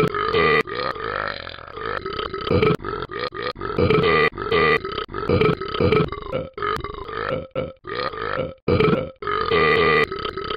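A long run of loud, voiced, croaking burps, repeated one after another with brief pauses between; repeated belching.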